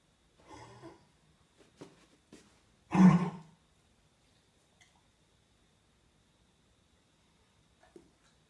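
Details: Dog coughing: a few softer throaty huffs followed by one loud, harsh cough burst in a quiet room.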